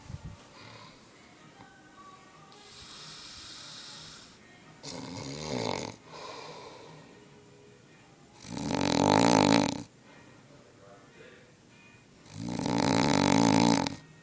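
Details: Loud, rattling snores with quieter breaths between them from an adult roommate asleep at a beach house, with room noise; snoring.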